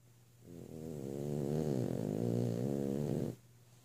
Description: Mornings are not the favorite thing of our 8 month old frenchie. She is snoring away!!